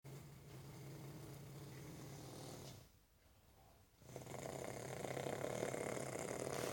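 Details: Long, low, rattling breaths with brief quiet pauses between them; snoring during sleep.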